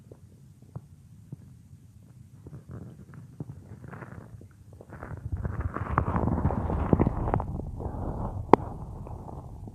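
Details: Real recording of a woman's own stomach, which she says sometimes gets loud, made for a roleplay: close gurgling and rumbling with scattered pops and squelches building in loudness; stomach growling (borborygmi).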